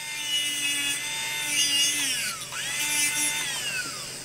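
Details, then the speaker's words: High-pitched dental handpiece whine dipping under load while trimming the margins of a hardened, relined polycarbonate temporary crown (B-crown) outside the mouth. "so we now trim it the margins are able to be seen"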